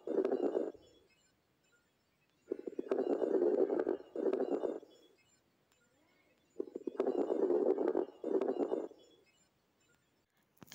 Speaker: لكن الكورس كراكل بتكون لاودر عاليه لكن حدتها اقل تمام ليتش وبتقعد فتره اطول من الفاين كراكل يعني بتطول عن الفاين كراكل